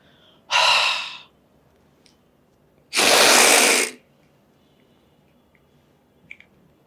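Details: Doctor demonstrating dry powder inhaler technique for asthma/COPD: short exhalation, head tilted slightly back, lips sealed on the mouthpiece, long steady deep breath through the inhaler, then a quiet breath-hold of about 10 seconds.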